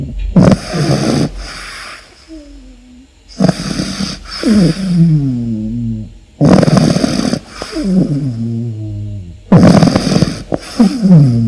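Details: Sleeping dog snores loudly and regularly, with rough rattling breaths in and whistling breaths out.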